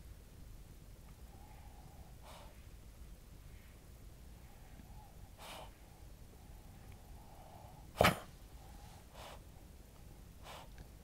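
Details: Cavalier King Charles Spaniel born June 2010 with Chiari-like malformation, hydrocephalus, syringomyelia, partial chordae rupture with regurgitation, non-cardiogenic pulmonary edema; one sharp explosive choking-like cough amid faint snorting breaths on waking, present since summer 2016.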